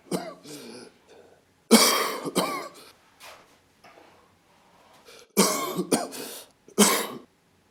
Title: The cough (documentation)